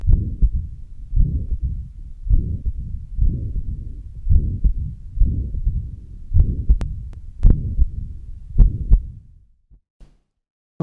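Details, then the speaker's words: Mitral regurgitation pansystolic murmur heard with the diaphragm, best at the apex and radiating to the axilla: a long blowing systolic murmur with a regular heartbeat about 54 a minute, then brief clicks and faint voice. "sometimes this pencilic murmur can be heard all over the precodium but it is best heard at the apex and radiates to axilla which is an important feature that you have to learn by auscultating several patients"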